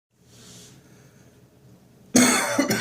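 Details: Dry post-bronchitis morning cough, with phlegm nearly gone: quiet breathing, then two short, harsh, dry, unproductive cough bursts.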